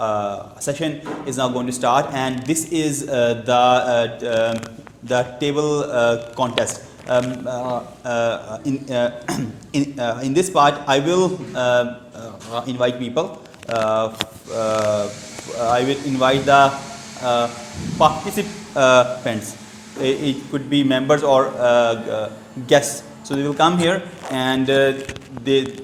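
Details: Adult man who has stammered since age two, giving a prepared speech at a stammering-support public-speaking session; stuttering.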